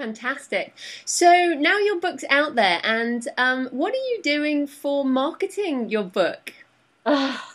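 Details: Adult woman; normal speech.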